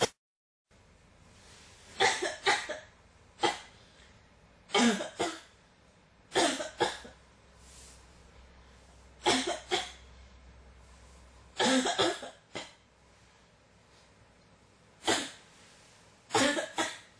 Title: 咳が止まらない 14 cough